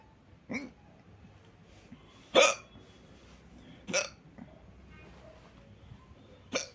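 Four sharp, abrupt gulping hiccup sounds at irregular intervals over about seven seconds, with quiet room noise between them. Repeated hiccups.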